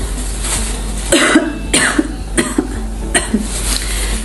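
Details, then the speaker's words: Acted coughs, a few short ones over background music, in an Indonesian nurse's educational demonstration of cough etiquette (covering with tissue or inner upper arm, masks) to prevent tuberculosis spread; cough. "Apa itu etika batuk? Etika batuk adalah tata cara batuk yang baik dan benar."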